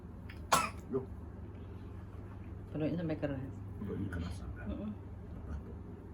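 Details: One sharp cough followed by a smaller one, with murmured voices over a steady low hum; a cough lasting about a month, recorded during egg nerve therapy (terapi saraf telur).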